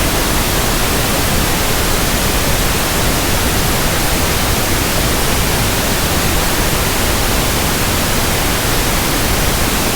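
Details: Pink noise sample for tinnitus sound matching and frequency comparison: a steady, soft, even static hiss with balanced low and high content, used to compare against persistent ringing or buzzing in the ears.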